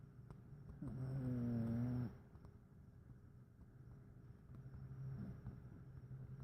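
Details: Cat snoring: one low, buzzing, slightly tonal snore lasting about a second, then softer breathing in a noisy room; snoring.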